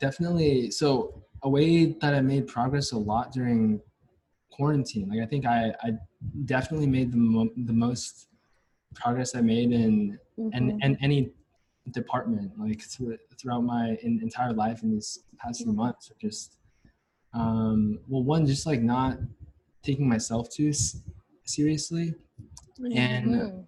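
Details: Stuttering in a young adult male university senior, onset at about age five or six, with a family history: his biological father and maternal grandfather also stutter.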